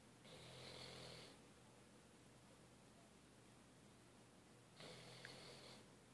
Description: Luna passed out on the couch, finally caught her in the act of snoring.